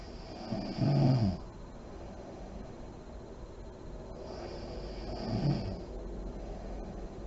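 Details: Snoring in a sleeping adult woman (mom) in deep REM sleep with lights on, with deep breathing and lip blowing; two low, rough inspiratory snores about four seconds apart over steady room hiss.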